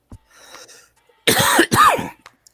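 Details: A soft throat sound, then two loud, harsh coughs in close succession during a live stream; a lingering cough after a cold, the speaker having taken cold pills all week.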